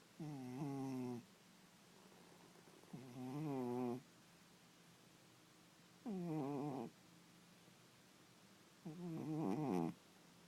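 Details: A sleeping cat snoring softly, a buzzing snore with each breath at about 20 per minute; a harmless sleep sound.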